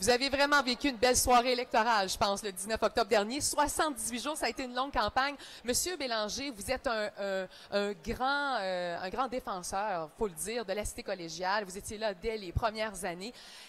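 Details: Adult woman speaking French; Normal voice.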